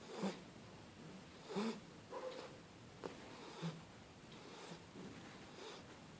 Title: Snoring puppy Starbucks (shar pei)